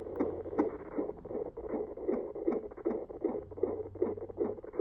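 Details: Rapid, regular swishing fetal heartbeat at 152 beats a minute, picked up by a pregnant mother at home with a handheld fetal Doppler probe and gel on her abdomen.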